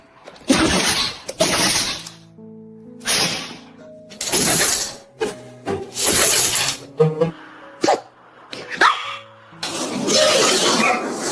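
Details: Several short, hissing bursts from a puppy, fitting repeated small sneezes, heard over background music; ordinary sneezing.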